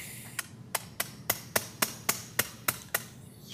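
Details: Rapid series of about ten sharp metallic taps: a surgical hammer striking during prone transpsoas (prone lateral) spine surgery, patient prone on a Jackson table positioner.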